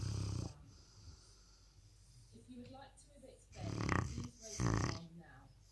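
Two loud, rough, low-pitched snoring breaths with quieter breathing and room noise between them.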